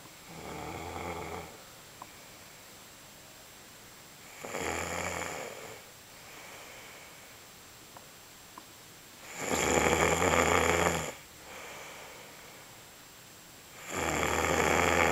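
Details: Snoring in an adult: loud, rough snores on the in-breath, about four in 15 seconds, with quieter out-breaths between them; ordinary snoring.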